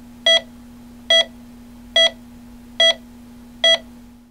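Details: Sound-effect recording of a hospital heart monitor at a normal rate: regular electronic beeps at about 71 per minute over a steady hum.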